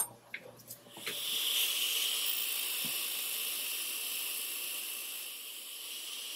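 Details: CO2 laser tongue-tie release (lingual frenectomy) in an 11-year-old with a tight, heart-shaped tongue tip: faint clicks, then steady loud hiss of laser and smoke suction.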